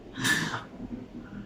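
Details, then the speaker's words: Doctor demonstrating metered dose inhaler use for asthma or COPD: inhaler shaken, then pressed while inhaling, followed by a breath-hold. A brief hissing spray burst with a breath drawn in at the same time, then quiet: correctly coordinated actuation with inhalation. "First thing, you hold it, you shake it, and then you put it."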